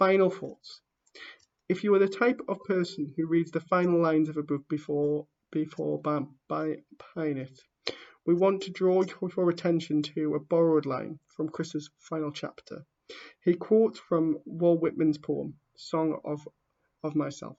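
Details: A man who stammers reading aloud the introduction to his own book, with real stammering in the reading: stuttering (stammering).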